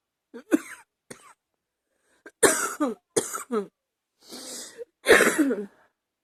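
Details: Several harsh, bursting coughs in a run from an adult with a congested, rattly chest, a chesty cough that is getting hard to stop.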